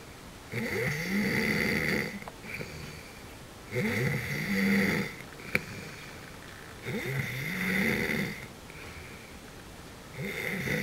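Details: Adult snoring: loud, rough snores about every three seconds, roughly 19 breaths a minute, with a quieter rasping out-breath.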